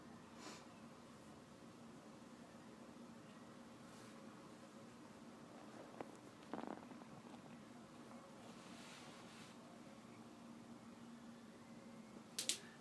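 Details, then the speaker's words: Occasional soft gurgles and clicks over a quiet abdomen on quadrant-by-quadrant auscultation during a health assessment, with the patient relaxed: normal bowel sounds, not too fast and not too slow. "really nice bowel sounds that are not too fast and not too slow"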